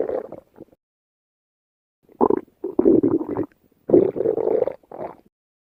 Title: Stomach Growling